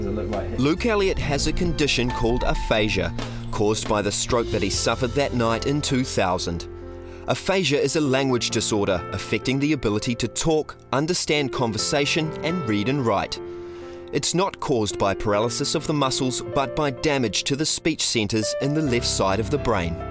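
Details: Adult male narrator; normal speech.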